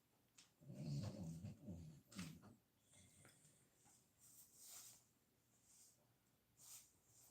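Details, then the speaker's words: A sleeping dog snoring: low, rough rumbling breaths followed by fainter quiet breathing. "Do y'all hear that noise? I don't know if y'all can hear it or not, but Jasper's snoring."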